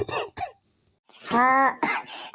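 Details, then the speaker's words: Acted adult coughing, two short dry bursts, a pause, then a strained voiced cough and rough exhalations; attributed to air pollution, with a congested chest, burning eyes and difficulty breathing. "छाती जमी हुई है मेरी तो आंखें भी जल रही है।"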